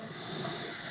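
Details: Steady airy hiss without breaks from a home oxygen concentrator delivering oxygen through nasal cannula glasses for a 29-year-old woman with a narrowed, child-sized trachea and reduced heart performance; normal device operation.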